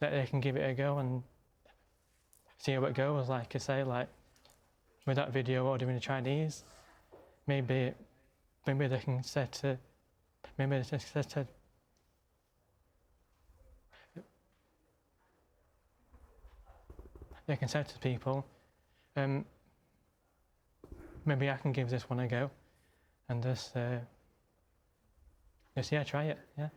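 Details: Stammering in an adult man who stammers, speaking live on television; he reports struggling hardest on first words.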